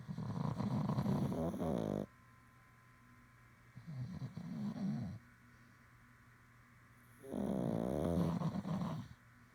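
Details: Rough rattling snores with each breath, interrupted by quiet pauses, in a quiet room; a father and child sound asleep, unclear which one is snoring.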